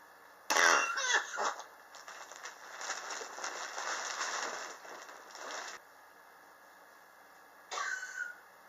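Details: Chronic cough persisting since summer 2016, still present in 2019 despite medicine and home remedies, attributed by the patient to extreme indoor temperature changes: a sharp cough burst, then long hoarse, rattly coughing and a final short cough.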